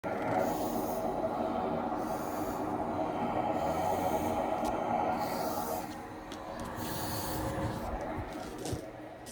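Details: Cough assist machine used on a patient with myotonic dystrophy after waking in the night, five breaths and five cycles, after albuterol: steady loud airflow roar pushing air in, then quieter suction phase pulling out.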